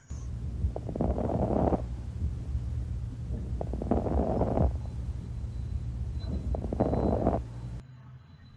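Three breaths with brief, fine popping clicks over a low background hum, fitting fine crackles in the lungs.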